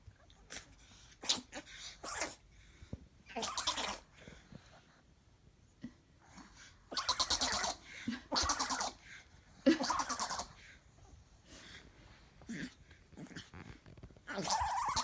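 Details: Boxer puppy recovering from pneumonia: a run of forceful, snorting power sneezes and sniffs, with pauses between bursts; sneezing.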